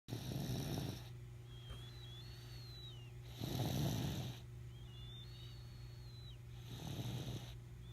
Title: My Baby Snoring